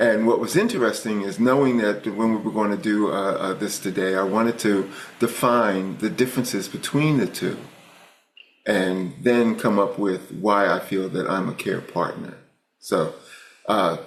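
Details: Adult male speaker; normal speech.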